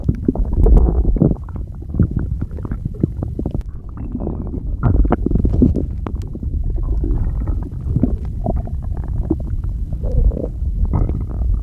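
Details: Continuous low rumbling and gurgling stomach growling rising and falling for about twelve seconds; the person cannot get it under control.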